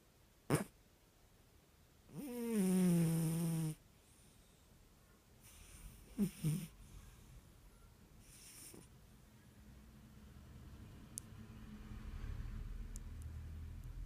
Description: Twitching snoring eye rolling Burmese cat dreaming.